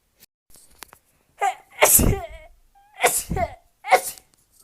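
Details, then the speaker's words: Repeated sneezing that the sneezer blames on dust in the laundry room: a quick run of about three sneezes, each a brief high-pitched inhale then a sharp burst. She says the sneezes really hurt. "uh moving things around makes me sneeze all the dust that's up in this laundry room is making me sneeze"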